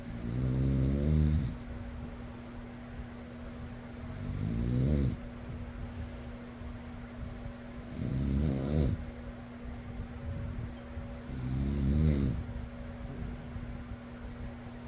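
Deep, rattling snores about every 3.5 seconds, roughly 17 a minute, over a steady fan hum; ordinary sleep snoring.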